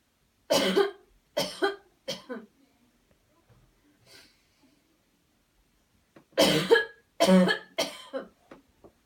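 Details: Demonstration of a coached deliberate coughing technique after paced breathing and a deep breath in: two bouts of three forceful voluntary coughs each, separated by a quiet pause.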